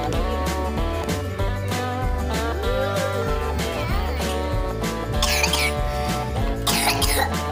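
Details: Two short, harsh coughs breaking through loud, steady background music near the end, from a person who apologises for coughing: a plain cough.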